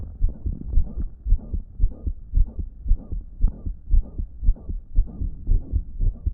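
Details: Loud blowing heart murmur recorded on a phone from a person with a damaged heart, on a day when the heart evidently wasn't pumping effectively.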